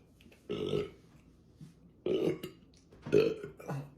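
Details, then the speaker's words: Roleplay of a man burping in a restaurant after eating big: three loud, low, rumbling belches about a second apart, then a small fourth one, a run of repeated burping. "your burps are making our baby queasy and it smells so bad the flowers at our table have wilted"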